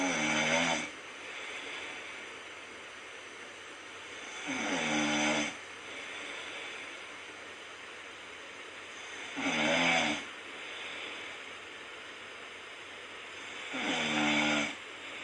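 Four regular rasping snores about every 4.5 seconds, roughly 13 breaths a minute, with softer breathing between; steady snoring in sleep.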